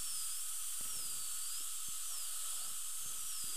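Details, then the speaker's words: Dental drill with a 330 bur cutting a roughly 2 mm trough in the contact area between teeth 8 and 9, for bonding a weak tooth with bone loss (tooth 9) to a strong one: a steady high-pitched whine with faint knocks. "going to use a 330 bur we're going to put it right in the contact area right above"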